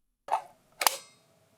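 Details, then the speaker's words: Two sharp plastic clicks in a quiet room as a replacement LVAD (left ventricular assist device) battery is pushed into its battery clip and locks into place. "Align the red arrow on the replacement battery with the red arrow on the battery clip. Push the battery into the clip until you hear the battery"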